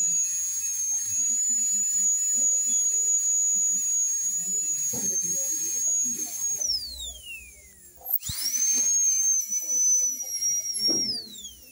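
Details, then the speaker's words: Dental drill starting the veneer preparation in a diastema case, with minimal cervical reduction of less than 0.5 mm: a high-pitched whine that dips in pitch as it loads against the tooth, with brief pauses. "Ok. Ahora vamos a empezar el tallado. Una cervical mínimo menos de 0,5."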